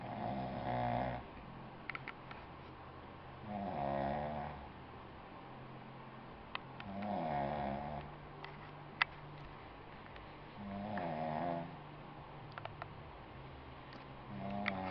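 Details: Adult woman asleep: regular rattling inspiratory snores, about 16 breaths a minute, quiet pauses between; ordinary snoring.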